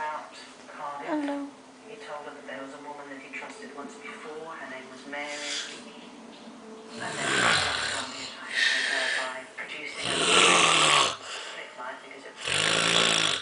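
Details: Man sleeping, recorded January 2014: rough, rattling in-breath snores at roughly 27 a minute, some snorting, over faint background talk; loud snoring.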